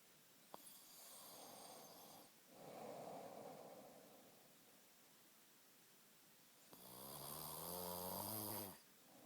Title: Caught snoring